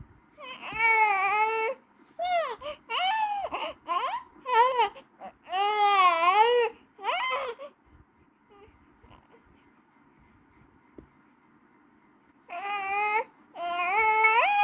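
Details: Infant crying: loud, high-pitched, wavering wails in repeated bursts with a quiet pause in the middle.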